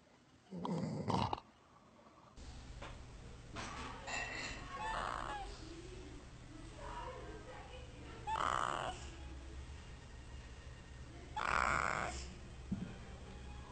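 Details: Funny animal snoring: irregular snorting snores every few seconds over low room noise.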